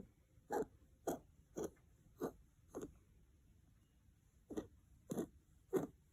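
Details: A dog coughing: eight short, harsh coughs in two quick bouts, five then three, about half a second apart, in a quiet room. A coughing episode.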